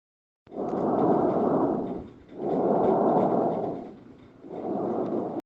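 Loud, hollow, tubular breath sounds in both breathing in and breathing out, about 33 per minute with brief pauses: normal tracheal breath sounds.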